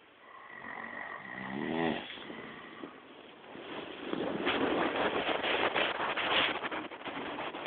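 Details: Person caught snoring during sleep: rough, rattling breathing noises, with a buzzing vibration on one breath; snoring.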